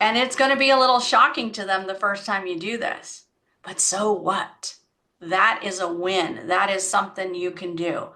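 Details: Adult woman; typical speech.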